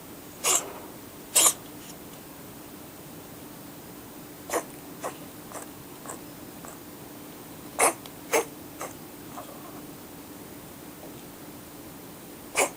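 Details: Siamese cat sitting on a fan heater with its tongue out, giving an unusual cough: short, sharp, dry coughing bursts separated by pauses, over a steady mechanical hum.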